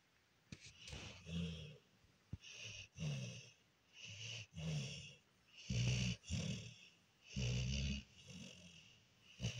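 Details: Small male pet asleep and snoring after an exciting, busy day: repeated low, snorting snores in and out, about 36 sounds a minute.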